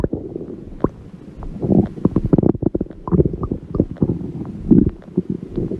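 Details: Irregular, continuous, rumbling and gurgling stomach growling (borborygmi) from a person who says they are pretty hungry.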